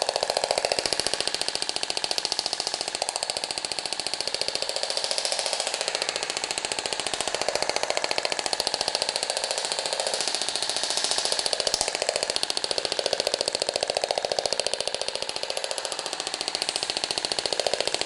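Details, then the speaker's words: Radial shockwave therapy on a patient's region of fibrotic cellulite, fibrosis shown on tomography: continuous rapid, very regular tapping clicks about 15 per second with a steady mechanical hum; the noise may cause discomfort. "ele pode sentir né algum desconforto até por causa do barulho também"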